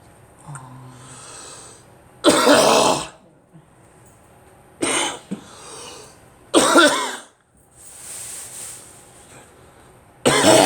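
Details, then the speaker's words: Person coughing, trying to bring up phlegm that feels caught, with another person prompting them to cough again. "the phlegm was home a bit caught off lemmas Horta back its problem the whole bed of the cough it's holding it bad that's the problem"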